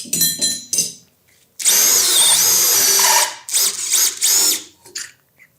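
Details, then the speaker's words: Loud high-pitched whine of a surgical power drill in bursts, boring into synthetic bone with an 11 mm drill through a soft-tissue protector to open the proximal tibial canal up to its stop, for an Expert tibial intramedullary nail. "Y con el motor podemos perforar. Él va a tener un tope, de ahí no va a pasar, ¿sí? Que es el diámetro proximal del clavo, que es de 10 milímetros."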